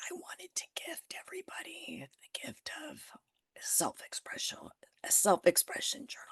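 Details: Adult with spasmodic dysphonia that began after stress and illness while building a business. It is still audible and being managed naturally; Botox declined: spasmodic dysphonia.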